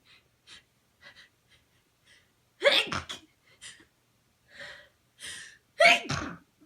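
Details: Adult sneezing, induced with rolled-up tissue in a sensitive nose (possible cold or allergy): two forceful sneezes, each preceded by quick catching in-breaths, with soft sniffs between.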